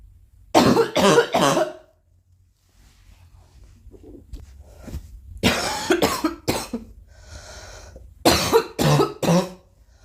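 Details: Girl coughing: three bouts of three harsh, forceful coughs each, with quiet breathing between bouts, amid throat-clearing and snorts.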